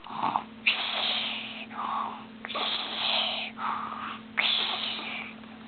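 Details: Noisy, hissing breaths during sleep, alternating louder and softer phases over several cycles, with a steady background hum; snoring.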